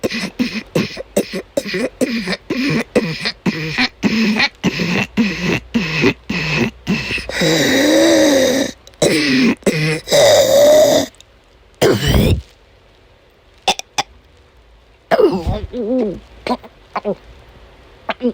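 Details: Adult woman during an asthma attack amid a chronic migraine episode: rapid run of short harsh coughs, then drawn-out voiced retching and gagging with brief pauses; she vomited many times that day, paroxysmal coughing with retching.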